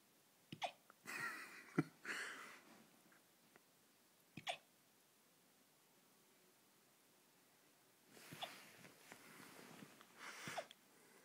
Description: My 12 Week Weimaraner Puppy wit hiccups and big ears being so cute !